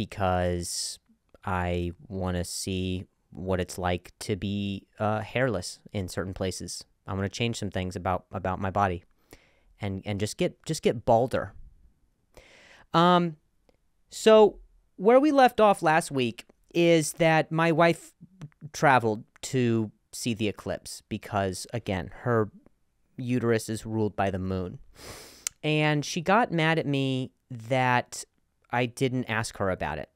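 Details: Adult male comedian who has stuttered for a long time and still sometimes does; word repetitions in this stretch; stuttering.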